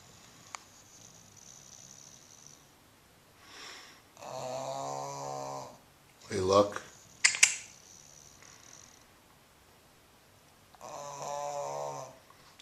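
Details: 10-year-old bulldog snoring in sleep, loud enough that he sometimes wakes himself: loud, buzzy, drawn-out snores a few seconds apart, with a snort between.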